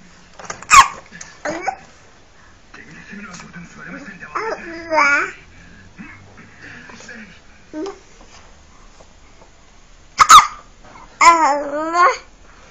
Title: My niece getting hiccups!